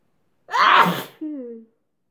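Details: A single forceful sneeze into a handkerchief, followed by a short voiced whimper-like tail; sneezing.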